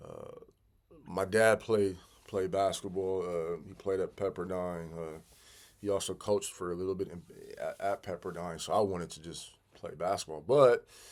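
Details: Stuttering in an adult man who has stuttered severely since childhood, with sound and word repetitions and fillers.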